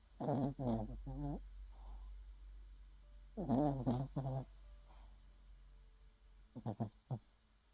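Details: Loud, rattling, human-like snorts in short groups separated by softer breathing, from a 6-month-old puppy snoring heavily.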